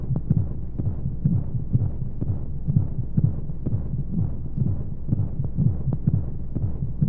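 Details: Womb-sound sleep aid for babies: steady muffled low thumps, about 125 a minute, under a soft whooshing flow-like hum of white noise, like a heartbeat heard from inside the womb.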